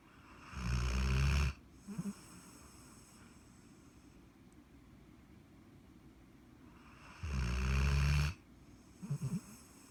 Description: 1 year old walker hound named Charlie, snoring his butt off 😁